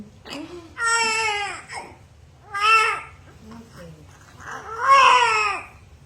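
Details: Vigorous normal cry of a newborn baby girl, 3.4 kg, just after a fast normal vaginal delivery: three strong, clear wailing cries with pauses between.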